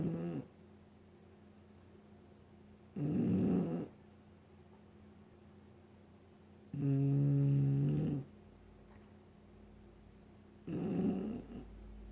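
Three rough, low snoring sounds about four seconds apart, roughly 16 a minute, with quiet pauses between them in a small room.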